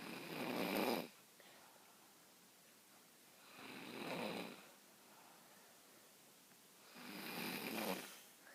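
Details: Snoring from a sleeping friend during a sleepover.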